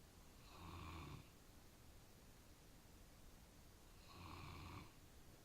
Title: Snoring bernese mountain dog